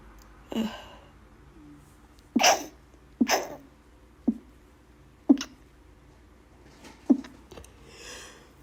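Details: Person with really bad allergies: six forceful sneezes in close succession, a few seconds apart; repeated allergic sneezing.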